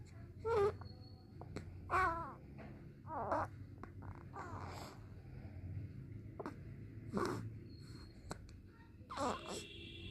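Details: Newborn baby girl, noted as having hiccups: soft, brief whimpers and fussy cries with small catches between them, in a quiet room; mild infant fussing.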